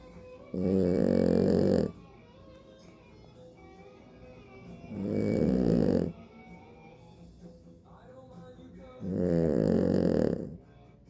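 Three loud, rattling snores a few seconds apart, each on the in-breath, with quiet breathing between; faint music behind.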